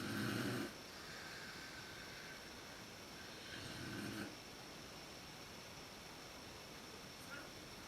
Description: 真っ暗でわかりにくいですが母親のいびきです。寝始めがひどいです。PowerShotSX130ISで収録。